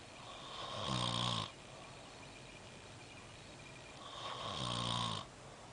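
Two loud, rattling snores about four seconds apart, each a rough vibrating inhalation over a steady hiss of room noise.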